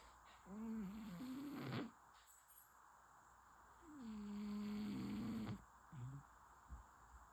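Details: Sleeping cat snoring: slow, drawn-out, slightly whistling sleep breaths with soft snore tones, about 17 a minute, over room noise.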